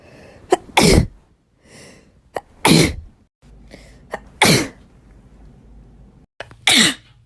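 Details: Natural sneezing: four sneezes, each a quick breath in followed by a sharp explosive burst, with short pauses between them; ordinary sneezing.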